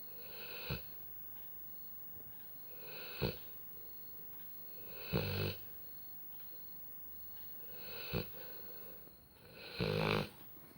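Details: Labrador snoring like a human: regular snoring breaths, each ending in a snort, about 12 a minute, from the sleeping dog.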